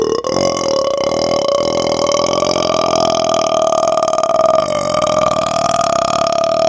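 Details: Person burping right up close to a laptop microphone: one long, loud, sustained burp lasting several seconds with a steady tone throughout.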